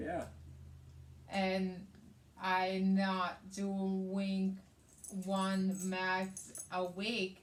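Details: Adult woman with aphasia, also affecting reading and writing, after a hemorrhagic stroke on May 19th 2020 with right-sided hemiparesis, brain surgery and an ICU stay; aphasia.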